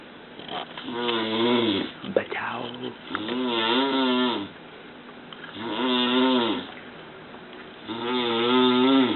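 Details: Loud, rough, buzzing snores with each breath in, about three in nine seconds, with quiet pauses between them; heavy snoring.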